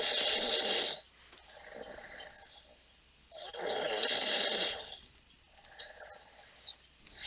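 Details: Regular snoring from a sleeper, a hissing breath noise in and out at about 17 breaths a minute.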